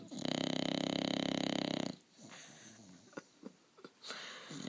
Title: Huckleberry the Bulldog - Snoring!